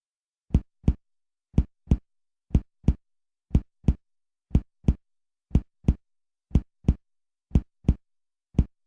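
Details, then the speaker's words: Paired finger-percussion taps over the abdominal quadrants give hollow, drum-like notes: normal tympany over the air-filled stomach and intestines. "as you percuss expect to hear timpani over air-filled organs such as the stomach or intestines"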